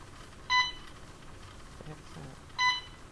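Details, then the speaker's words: Two short electronic beeps about two seconds apart over quiet room noise: an Alaris IV infusion pump reminder flashing channel B after a nitroglycerin rate change to 10 mcg/min, prompting the user to press start. "you need to hit start it's beeping it's reminding you you need to do something with channel b you see it flashing"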